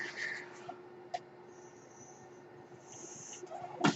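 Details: Mechanical ventilator sound heard during a podcast recording, which the user identifies as their own ventilator.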